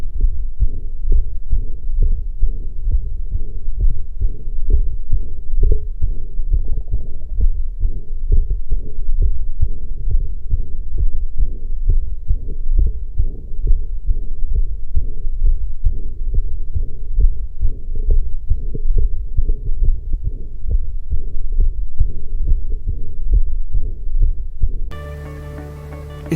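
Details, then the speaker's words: Steady low heart sounds with a soft mid-systolic flow murmur from increased, accelerated forward flow, not implying outflow tract disease; functional murmur. "severos un soplo mesosistólico. Esto no implica patología del tracto salida, sino más bien a un aumento y aceleración del flujo anterógrado."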